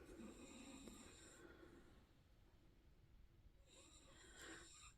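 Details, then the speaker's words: Snoring heard faintly in the background during a quilting session. "I don't know if you can hear snoring in the background anyway"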